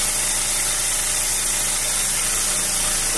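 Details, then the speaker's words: Neonatal nose suction machine for French Bulldog puppies, tested before use with no puppy attached: steady motor hum and hiss, with a faint air leak at the hose; normal device operation. "all right y'all so we got it plugged up got everything hooked up so now we're gonna see let's see how it works"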